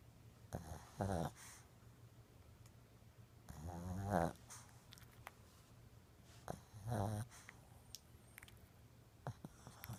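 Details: A sleeping Shih Tzu dog makes rattling snores on each breath in, about three in ten seconds, in a quiet room; snoring.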